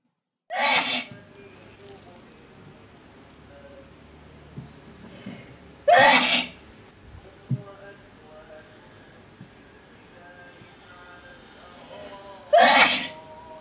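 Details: Three loud, explosive sneezes about six seconds apart over faint background noise; induced sneezing fit during a nasal (resdung) treatment.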